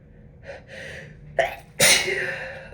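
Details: Forceful sneeze induced with a tissue by a person with a cold and possible allergies, taking decongestants, nose very dry; soft gasping intake builds to a sharp sneeze, then a brief trailing breath.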